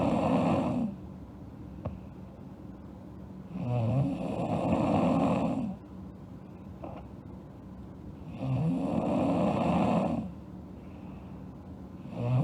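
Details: Girl asleep, snoring: loud, rough snores about every four seconds, roughly 13 a minute, with quieter exhaled breaths between.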